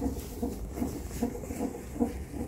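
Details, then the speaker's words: Fetal heartbeat during a CTG test in pregnancy, stated as 150 beats per minute; rapid, regular whooshing thumps on the monitor. "CTG - We're doing a CTG test And we can hear the baby's heartbeat"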